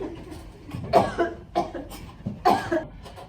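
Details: A child acts out the cough of croup with several harsh, barking, seal-like cough bursts: simulated croup cough.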